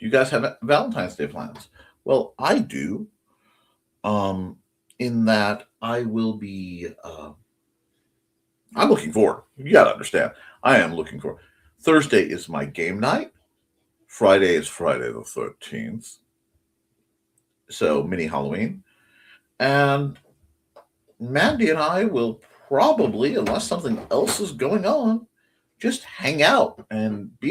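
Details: Stuttering in a male host who says he stutters a lot; the clip has self-reported stuttering with repetitions.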